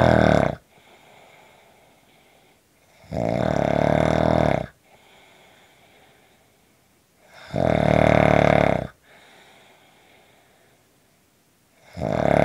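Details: Loud, rough snores on each in-breath, about one every four and a half seconds, with quiet gaps between; snoring.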